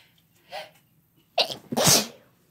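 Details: A soft intake, a quick gasp, then one loud explosive sneeze from a woman or man in a sneezing compilation.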